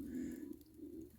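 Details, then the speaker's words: Adult's stomach growling at about 9:30 pm after hardly eating all day: a low, wavering, cooing gurgle, a brief pause, then a second rumble in a quiet room; hunger borborygmi. "I don't know if y'all can hear it but my stomach is just making all kinds of growling noises it's about 9:30 at night"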